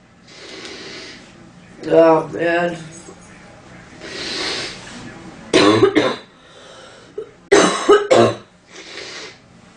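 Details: Sound-effect recording of a woman coughing, stating itchy, stuffy nose in cold weather; throat clearing then several sharp, harsh coughs in short bursts with breaths between: repeated cough.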